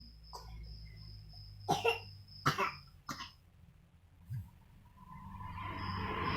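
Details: A child makes three or four short, forced cough bursts on purpose as an imitation (a voluntary cough, not a true cough), followed by quiet room noise.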